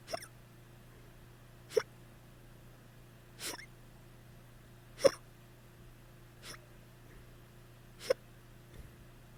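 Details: Sharp, brief hiccups at irregular intervals, about six in nine seconds, over a steady hum, in a person who drank too much the night before; hiccups.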